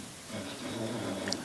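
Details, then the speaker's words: Dog snoring audible in the background of a recorded podcast conversation. "don't know if you can hear that that's my dog snoring sorry awesome sorry to interrupt here"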